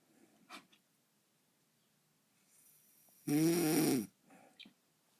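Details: Adult woman (mother) asleep with hair curlers, dog nearby: one loud, rattling snore on an in-breath with faint breathing around it. Ordinary sleep snoring.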